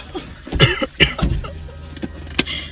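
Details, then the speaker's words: Simulated cough for a prank: a man fakes coughing up fake blood and says his throat hurts, in a car with chatter around; a few harsh, forced coughs and throat-clearing sounds; an acted cough, not real illness. "As you see by the title, I'm getting broken with a like fake blood coming out of my mouth, stuff, and be acting like I was coughing, my throat hurt."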